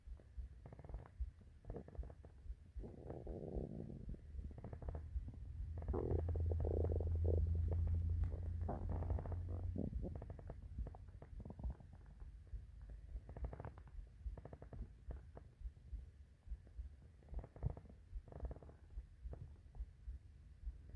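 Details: Morning hungry stomach: long low rumbling growl with bubbling gurgles over a steady hum; normal stomach growling (borborygmi).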